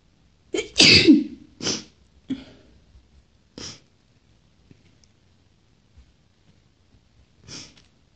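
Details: Bout of sneezing in an uncut recording: a sharp, explosive sneeze followed by a few softer sneezes and sniffs; ordinary sneezing.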